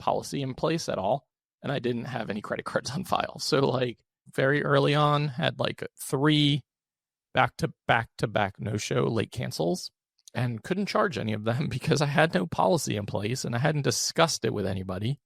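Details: Adult man with a rare, chronic, recurring throat condition; endoscopic surgery in 2021, then open throat surgery in 2022 left one vocal cord paralysed; after extensive speech therapy, voice improved but tires daily; vocal fry from unilateral vocal cord paralysis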